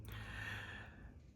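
One loud, deep breath, somewhere between a gasp and a sigh, in a quiet room: heavy breathing after exertion.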